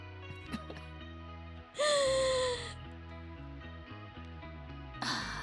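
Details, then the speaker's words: Loud, noisy breath with a falling whistling tone over background music, from someone sick for almost a month who says they are wheezing a lot; wheezing. "feel like I'm wheezing so much. You can hear it."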